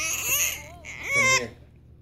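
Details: Infant upset by hiccups: brief fussy cry with rising and falling wails, ending in a louder sharp wail, in a quiet room; infant cry.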